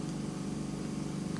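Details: Endoscopic ear wax microsuction by a registered nurse prescriber, with a pick tool used to free wax: a continuous, low, droning hum of the suction motor running steadily.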